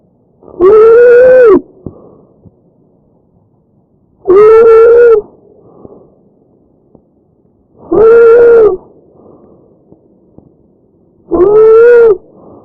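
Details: Real patient recording: tracheal stridor.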